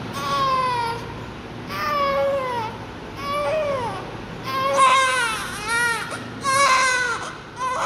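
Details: Newborn baby in nurse care crying loudly for about 30 seconds in rhythmic wailing bursts with brief breaths between, in a small room.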